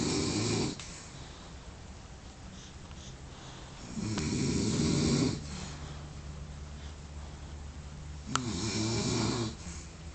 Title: epic snoring